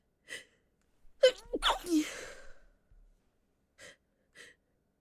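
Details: Woman with a cold: sharp in-breath, then a forceful sneeze into a handkerchief, followed by sniffles in a quiet room; sneezing.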